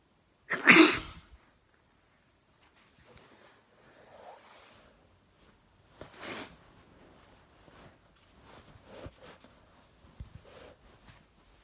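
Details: One loud, forceful sneeze induced by chhinkni sneezing powder, first time using it, followed by quiet sniffing, faint breathing and a nose blow.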